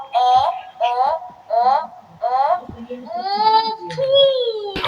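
Four short rhythmic high-pitched wails, about 90 a minute, then a longer drawn-out cry: an infant crying.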